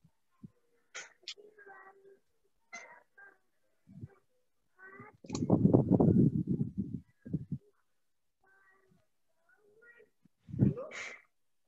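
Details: Child with fluent but largely unintelligible speech and affected prosody, with good comprehension and verbal output (not aphasia); classical extrapyramidal dysarthria.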